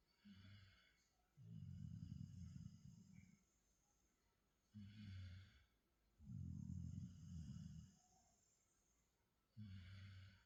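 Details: Goldendoodle dog snoring during sleep: soft, low, snorting snores in a steady rhythm, a short sound then a longer one each cycle.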